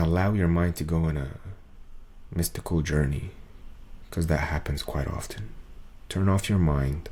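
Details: Adult male's recording from before 2023, with muscle tension dysphonia diagnosed by an ENT via laryngoscopy around late 2022; he calls it strained, as if forcing, and says a 40-second video took about 45 minutes to record; muscle tension dysphonia.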